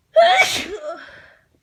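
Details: Allergy sneezing despite taking antihistamines, a severe allergy flare: a single sharp sneeze, a quick intake then an explosive burst that fades.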